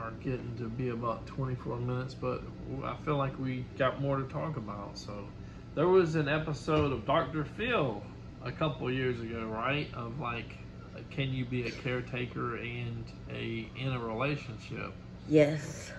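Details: Adult male speaker; ordinary speech.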